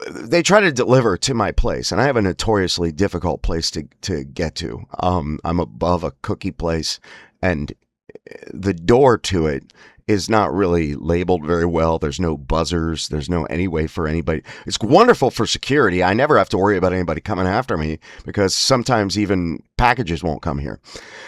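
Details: Spasmodic dysphonia (laryngeal dystonia) in an adult male, whose spasms worsen with emotional stress.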